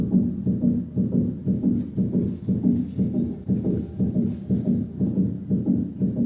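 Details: Teaching recording at the mitral valve area at 120 beats per minute: regular heartbeat with an extra click in mid-systole, a mid-systolic click.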